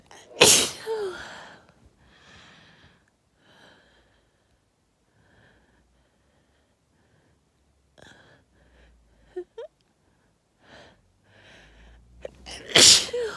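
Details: Two loud, explosive uncovered sneezes bracketing quieter breaths, the second after a short inhaled build-up, from dust stirred while moving furniture; sneezing.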